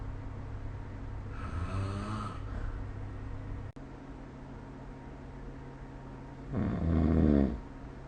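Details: Two loud, low, rattling snoring breaths about five seconds apart during sleep, over room hum, recorded with the SnoreLab smartphone app.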